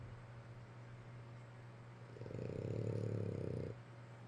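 One loud, low, fluttering rattle lasting about a second and a half over steady room hum: a snore.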